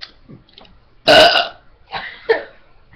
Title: Burp Contest..